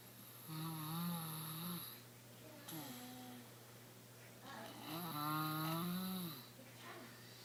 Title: My Guy Snoring